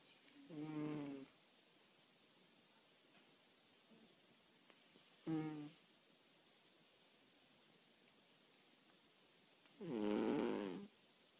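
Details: A sleeping pet cat snores in three rhythmic, rumbling breaths over about eleven seconds in a quiet room; its snoring often wakes the owner.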